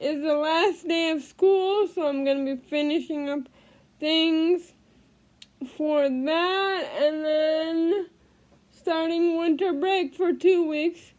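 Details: Female with cerebral palsy speaking; no specific speech disorder named.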